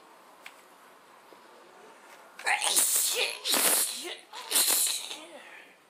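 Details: Sneezing fit, first in a long time: three loud sneezes in quick succession after a quiet lead-in.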